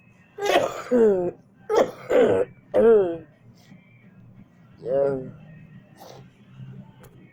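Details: A person who says they feel itchy gives several short, harsh coughs and throat-clearing sounds, then a softer one after a pause; ordinary coughing and throat clearing.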